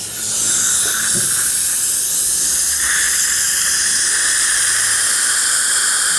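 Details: Steady high-pitched hiss and whine of a dental handpiece with a porcelain polishing tip from a green-blue-yellow system, after recontouring porcelain with diamonds for bite adjustment, with faint room noise.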